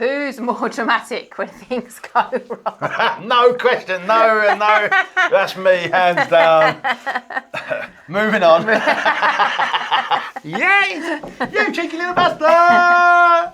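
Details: Involuntary vocal tic phrase from a man with Tourette syndrome, produced mid-answer in conversation.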